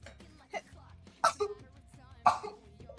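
Two sharp, explosive bursts, each ending in a brief voiced tail, with a smaller burst before them, over background music: sneezes.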